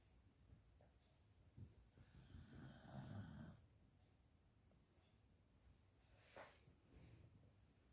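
Low, rough rattling breath sounds during sleep, one longer loud snore in the middle with quieter ones around it; snoring.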